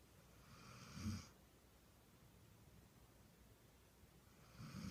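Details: Female dog sleeping on her back, snoring like a human: two low, rough snoring breaths about three seconds apart in a quiet room; ordinary snoring.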